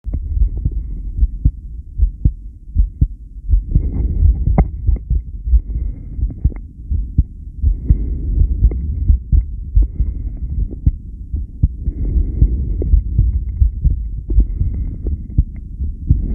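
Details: Steady, regular low heartbeat thumps over a deep rumbling background, recorded during a long breath-hold (10 lead); the subject asks whether the heart's reaction is normal. Heart sounds during breath-hold.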